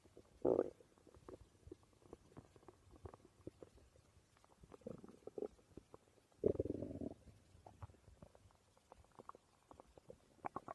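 Soft gurgles and scattered clicks with two longer low rumbles, the ordinary growling of a digesting stomach.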